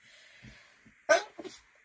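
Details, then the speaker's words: An adult woman struggling with hay fever gives a single loud sneeze after a short intake of breath, followed by a softer exhale, in a quiet room. "I've struggled today with hay fever and it seems to come on it it's I've struggled earlier on but also struggling in the evening"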